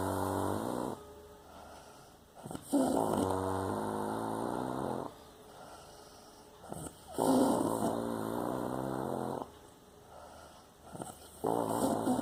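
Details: Snoring, possibly a prank recording: long, loud buzzing snores on each breath in, about 14 a minute, with quieter breaths out between; steady rhythmic snoring.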